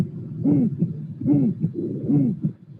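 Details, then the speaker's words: Rare musical aortic stenosis murmur: a whooping, cooing musical murmur in each cycle, about 75 a minute, from natural transformation of sound because the patient's thorax works like a musical instrument; real unfiltered auscultation. "It's only the results of natural transformation of sounds in musical sounds due to the fact that in that patient, the thorax is working like a musical instrument. Let's listen again, because this is not a common finding."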